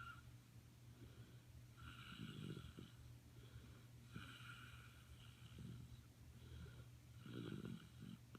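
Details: Quiet, rhythmic snoring recorded at Thanksgiving 2015, two soft rattling breaths about five seconds apart, roughly 12 breaths a minute, over a steady low hum: snoring.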